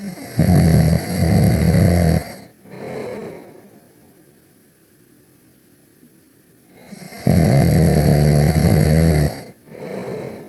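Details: Cartoon character Ruby snoring while napping: two loud, buzzing inhaled snores, each followed by a softer exhale and a pause; simulated, exaggerated cartoon snoring.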